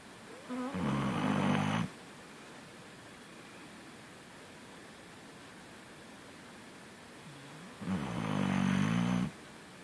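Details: Kaia snoring: two long, rumbling, fluttering snores about six seconds apart with quiet between; ordinary snoring.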